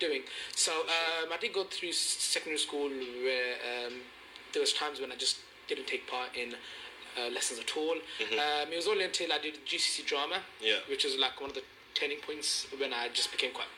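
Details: Stuttering in an adult male teacher who has stammered since age four and first received support at age 19.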